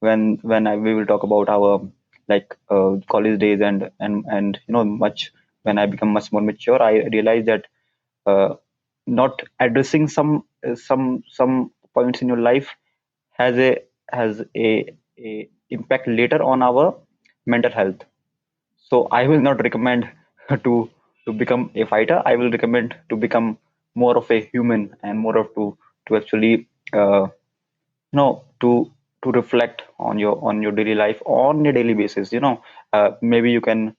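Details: Stuttering (stammering) in a man whose stammer began at around nine years old and persists into adulthood.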